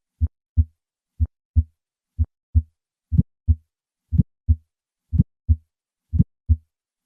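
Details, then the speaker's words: A patient with a bicuspid aortic valve: three normal beats, then an aortic ejection click shortly after the first heart sound, widely transmitted and often loudest at the cardiac apex. "Listen to a patient with a bicuspid aortic valve. I will start with 3 normal beats and then add the ejection click."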